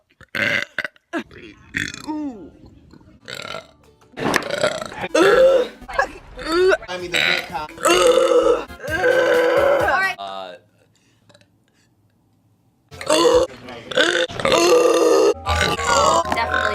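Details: Compilation of one person's burps: several long, loud, croaking belches, some stretched over a second or more, with background music; repeated burping.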